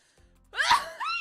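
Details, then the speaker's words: One loud, forceful, strongly voiced cough that could pass for a sneeze, ending in a short voiced tail after a quiet hum; the speaker deliberately coughs once loudly instead of several times. "くしゃみじゃないよガチで咳なんか咳をね複数回してコンコンてならないように大きな声で再生のがってやることで1回で終わらしてるのよ"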